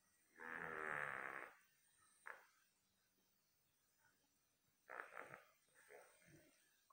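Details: Sleeping dog (Buster) snoring: one long, rough, rattly snore, then quieter snuffly breaths.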